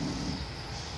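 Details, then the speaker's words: A female boxer dog asleep under the owner's feet gives a low, rumbling snore, strongest at the start, over steady room noise; snoring. "sorry if you heard that that is my dog um snoring she's a boxer absolutely adorable but she's asleep underneath my feet so she's snoring"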